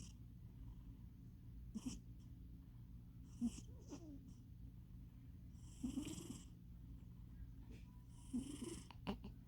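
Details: A fat pet cat snores with soft, rough breaths recurring every few seconds over a steady low room hum; snoring.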